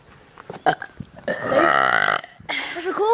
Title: Burping the ABC! XD